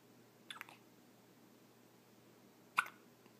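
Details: 4-day-old newborn girl: two brief, sharp hiccup sounds about two seconds apart in a quiet room; ordinary infant hiccups.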